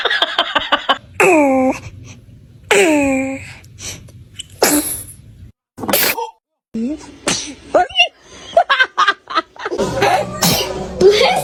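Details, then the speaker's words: Newborn baby sneezing five times in a row: several quick, sharp sneezes, with adults laughing, counting and saying bless you. "Three in a row. Four in a row. Five in a row. Oh. Oh. Bless you."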